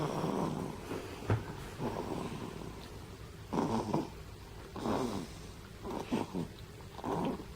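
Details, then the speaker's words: Infant girl snoring while asleep at the breast during breastfeeding, still sucking as she sleeps: rapid, rhythmic, rough noisy breaths with a rattling snore on each breath. "se queda dormida en la ronca y encima dormir a su paso es increíble informe"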